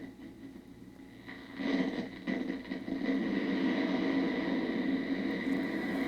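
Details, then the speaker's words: First botulinum toxin injection into a laryngeal muscle, patient awake: steady crackling, buzzing static from an EMG monitor as the needle is placed, confirming muscle activity at the needle tip. "Now, I'm going to turn on this little device, and you'll hear a little noise, and then I'm going to wipe again, and then you will hear that little noise. Do you hear the crackling?"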